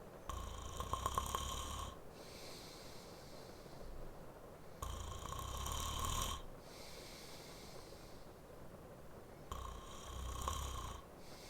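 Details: Adult male recorded napping for a sleep-aid ASMR audio, with added rain ambience: rhythmic rattling snores on each breath, about one every four seconds, over soft rain-like noise; snoring.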